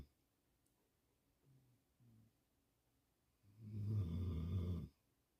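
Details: Mastiff-mix dog snoring while asleep: two soft low snorts, then one longer, louder rumbling snore in a quiet room.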